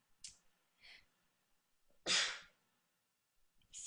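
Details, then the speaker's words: A celebrity during an interview: a sharp hissing burst after a short inward breath, faint softer breaths before; a single sneeze. "okay wait I think that fixed it well I'm gonna sneeze"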